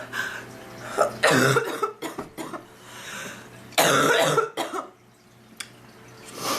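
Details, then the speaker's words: Person sick with worsening illness, eyes puffy and watering, reporting trouble breathing and throat pain: several harsh coughs and throat clearing in uneven bursts, faint music behind; repeated coughing. "my eyes feel puffy every time I'm coughing I'm see stars my head forgot it man and I thought I was going to get better jokes on me"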